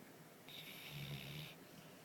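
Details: Everyday habitual snoring: a single low, rattling snore with a breathy hiss over it, lasting about a second, in a quiet room.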